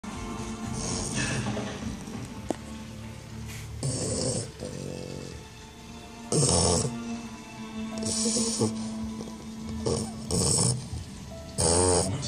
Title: English Bulldog Rosco snoring